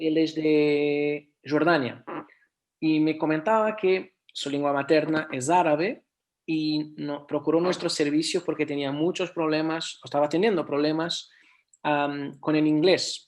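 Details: Adult speaker; no speech disorder.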